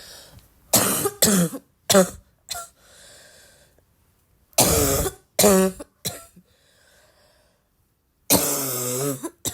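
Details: Persistent repeated coughing, self-described as the more one coughs the more one feels like coughing: several clusters of harsh coughs with short breaths between, about nine coughs in ten seconds.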